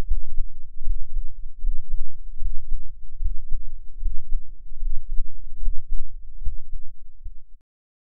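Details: Deep, muffled low thumping, roughly 75 beats a minute, with rumbling noise, recorded on an adult's chest through an experimental microphone enclosure with a dominant frequency near 10 Hz, including a breath-hold; normal heart sounds.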